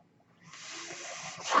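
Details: The speaker's own home mechanical ventilator: a soft rising hiss of airflow lasting about a second, louder at the end, as it delivers a breath.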